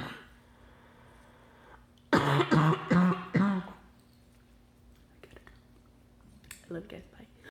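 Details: Repeated adult coughing during a grocery-haul vlog, with lots of coughing throughout: a quick run of four or five loud, voiced, throat-clearing coughs, with quiet room noise before and after.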